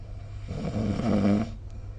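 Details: Snoring during sleep recorded with the SnoreLab app: a single rough, vibrating snore lasting about a second.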